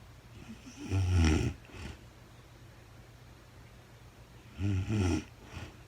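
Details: Real-time recording of a woman asleep overnight, very tired, no talking (labelled REM sleep): two loud rattling inspiratory snores, each followed by a softer exhale, over a steady low hum; snoring.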